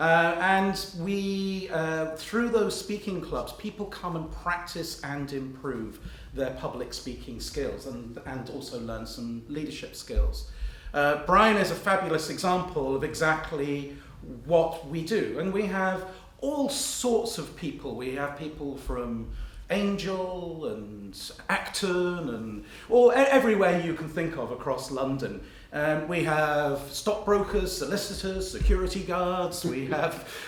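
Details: Adult speaker; normal speech.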